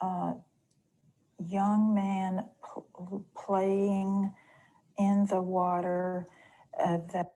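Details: Woman with mild nonfluent/agrammatic primary progressive aphasia with apraxia of speech, atrophy centred on left frontal opercular (Broca's) region, ventral language system preserved, describing a picture; nonfluent/agrammatic PPA with apraxia of speech.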